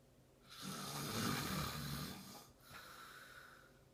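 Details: Snoring from a person who fell asleep mid-conversation: a loud, harsh rattling inward breath followed by a softer outward breath.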